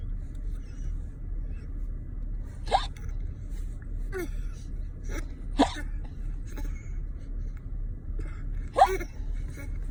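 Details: A young child gives three sharp, brief hiccups about three seconds apart, with fainter catches between, over low room noise.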